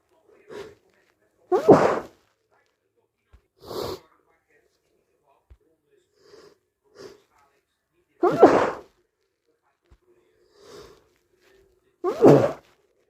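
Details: Four powerful, wet cold sneezes, some muffled, with soft sniffs and breaths between them; sneezing with a cold.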